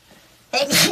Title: Oneus sneeze